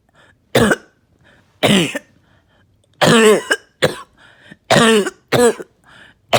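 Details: Coughing fit of about seven harsh, wet, rattly coughs after taking medication, thick mucus audibly breaking up and coming out; productive cough.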